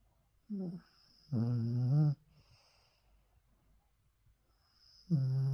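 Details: Bichon dog snoring during a cozy nap: short, buzzy, whistly snores on each breath in a quiet room. Snoring in a small sleeping dog.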